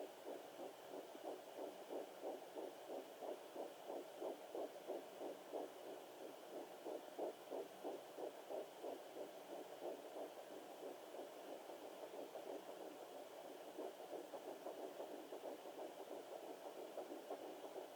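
Rapid, regular whooshing pulses at about 180 a minute, a fetal heartbeat picked up by Doppler.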